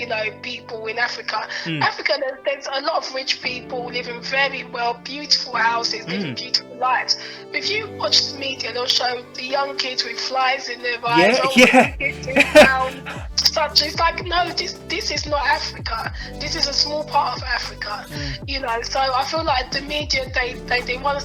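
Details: 41-year-old woman with a stammer, real, in a podcast interview; she considers it not severe and says she often sounds fluent: stuttering.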